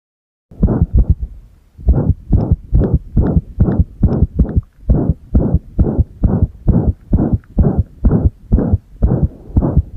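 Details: Irregular heartbeat (arrhythmia) heard with the chest pressed, recorded alongside a single-lead ECG: loud low heart thumps at roughly 130 a minute with uneven spacing between beats.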